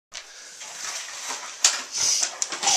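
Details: Dog named in recording dated 2010-12-04 makes harsh, noisy snorting breaths drawn in through the nose, typical of reverse sneezing.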